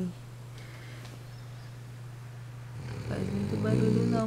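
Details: Snoring in a sleeping animal: a steady low rumbling snore, then a louder throaty snore.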